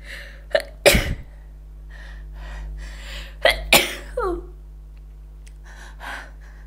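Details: Person trying to stifle sneezes, some escaping: two pairs of sudden explosive bursts, each preceded by a quick sharp intake, over steady room hum; repeated sneezes.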